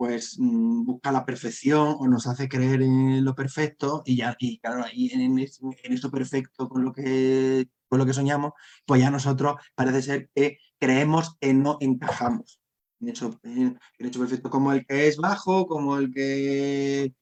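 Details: Adult Spanish-speaking man who stutters, with a constant struggle since childhood to hide it: stuttering.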